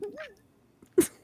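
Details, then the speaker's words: Adult imitating a suppressed silent sneeze, held in as learned when her baby was sleeping: a brief voiced wind-up, a pause, then one short muffled burst. "do you know how to do that weird silent sneeze you're not supposed to hold them in"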